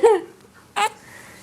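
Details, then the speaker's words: 2-month-old baby boy with hiccups: two brief voiced hiccup sounds with a short pause between, in a quiet room, recorded by his father. "you can't stop hiccuping you're on camera"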